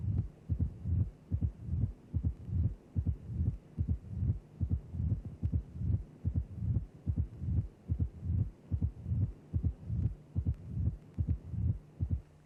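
Simulated heart sounds at about 73 beats a minute with low rumbling before a loud first sound: presystolic crescendo murmur of mitral stenosis with opening snap.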